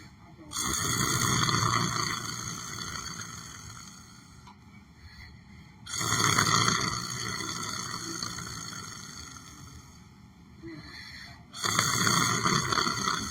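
Three long, loud, rough breaths a few seconds apart, each fading off, with a hiss behind: snoring during sleep.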